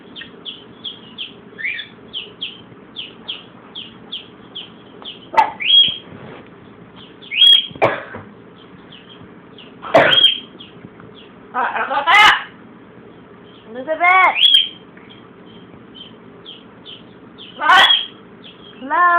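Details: A Blue and Gold Macaw with a cold mocks a cough: about six harsh, abrupt cough-like bursts between repeated short, high chirps.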